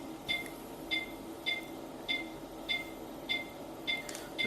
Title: Oxymed Oxygen Concentrator 5Ltr